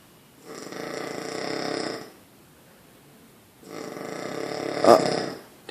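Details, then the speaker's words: Very loud snoring of a sleeping person, likened to an earthquake or a Harley starting: two harsh, rumbling snores over a second each, the second ending in a snort. "I would not get too close mate you're you're crazy that is louder than a freaking Harley starting up wow holy freaking"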